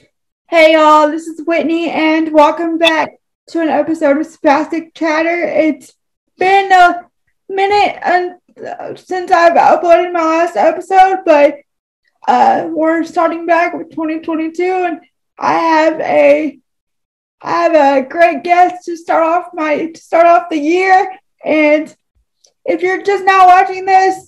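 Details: Adult woman with cerebral palsy who uses a wheelchair; dysarthria due to cerebral palsy.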